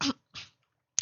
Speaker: again guys i am sick by the way i don't have kovid but i do have a cough so you'll be able to hear that my bad